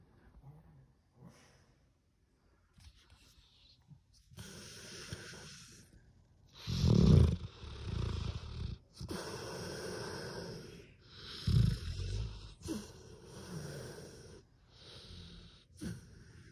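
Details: Snoring from a sleeping pit bull dog: deep, rumbling snores and snorting breaths that repeat irregularly.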